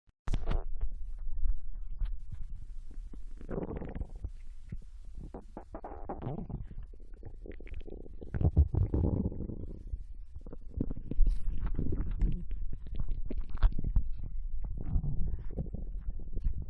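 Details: Japanese girl's abdomen digesting ramen and potato chips: irregular low gurgles, rumbles and squelches, normal bowel sounds of active digestion.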